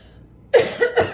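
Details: Cat answers its owner's cough, as it always responds to the owner's coughing and sneezing; cough.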